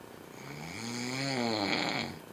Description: My husband snoring but sounds like a freight train